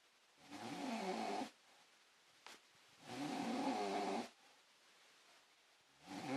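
Long, rough, rattling breath sounds recurring about every three seconds with quiet pauses between, typical of snoring.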